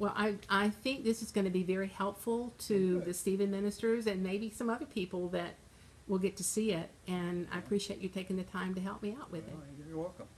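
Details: Adult woman speaking; Normal fluent speech.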